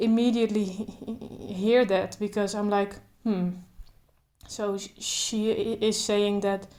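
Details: Adult woman who stutters, speaking without trying to control her stutter, including blocks; stuttering.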